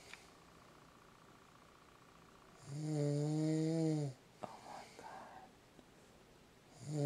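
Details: Adult husband, who denies snoring, recorded asleep in bed, likened to a wild boar: a single loud, low, rattling snore on the in-breath after quiet breathing, with faint room noise; snoring.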